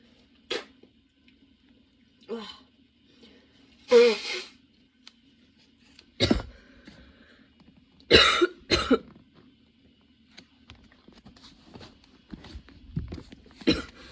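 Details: Person with a sudden, very long coughing fit that brought tears and kept worsening while they changed positions: about eight harsh cough bursts, some in clustered pairs, with throat clearing, in a quiet room.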